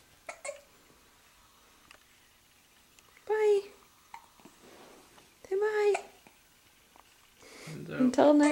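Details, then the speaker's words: Young child with hiccups: two short, abrupt voiced hiccups a couple of seconds apart, with faint clicks and quiet room noise. "got the hiccups. Yeah. Does that make your tummy hurt?"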